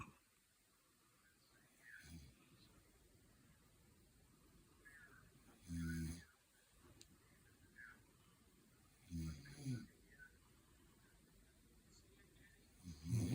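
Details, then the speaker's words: Man and dog asleep together, snorer uncertain: deep, low, rattling snores recurring about every three to four seconds over quiet room noise; snoring during sleep. "Hey, you think Snoring. The man or the dog?"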